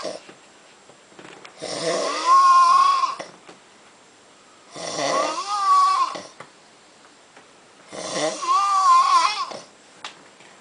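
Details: An adult man snores heavily in sleep after drinking at Oktoberfest: three loud, rattling, drawn-out snores with quiet gaps, about 19 breaths a minute.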